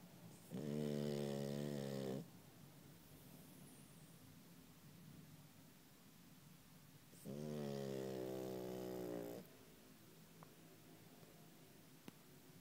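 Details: Sleeping French bulldog–Boston terrier puppy: two long, buzzing, tonal snores about five seconds apart with quiet breathing between, louder than most men; snoring.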